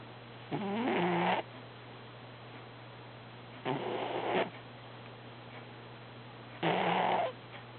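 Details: Cat named Herbie snoring during an active dream: three slow, rough, rattling breath noises spaced a few seconds apart over a steady room hum; snoring.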